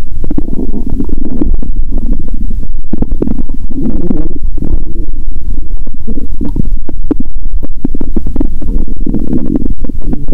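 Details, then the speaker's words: Bowel sounds through a stethoscope on the belly of a person fasting over 15 hours, during a cola and Mentos challenge after eating Mentos: continuous loud gurgling and rumbling, very active. ""Let's hear the sound of the stomach ♪". The growl of my stomach is amazing."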